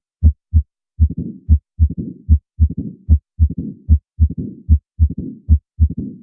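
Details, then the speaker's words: Regular heartbeat near 75/min with a low rumbling diastolic murmur after S2 and an opening snap, as left atrial pressure forces the stenotic mitral valve open; the S2–snap gap is important: mitral stenosis, audio teaching sample. "this is where the left atrium is trying to press against the stenotic valve and then finally when there's enough pressure in the left atrium it can snap open so this is as we said before called the opening snap"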